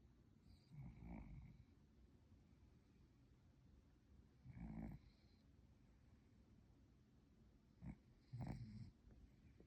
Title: Creepy Pants cat snoring so loud! #scarycat #cat #creepypants